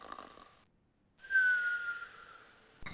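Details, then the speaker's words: Simulated cartoon snoring of a sleeping dad in an animated English-learning story: a single snore with a drawn-out whistling tone on the breath, preceded by soft talk; family says it sounds like a monster. "You're doing it again! Mom? We can't sleep. It's too loud. It sounds like a monster!"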